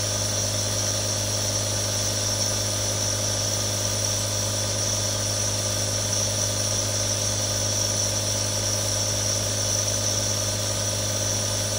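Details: Real recording of a nebulizer running: a steady, continuous mechanical compressor hum with a constant hiss and no variation.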